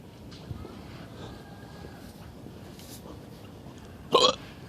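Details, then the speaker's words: A single short, sharp voiced gulp near the end against quiet outdoor background noise, from a person in West Philadelphia who keeps hiccupping: a hiccup. "This still hear these hiccups though. Are you aware of the hiccup sitch?"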